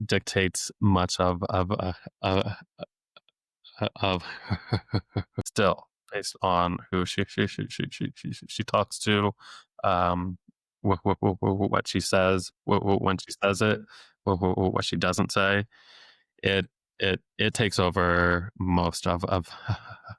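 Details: Adult man who has stuttered since age eight, with years of speech therapy, now a speech-language pathologist deliberately letting his stutter show; repetitions of sounds, words and phrases; stuttering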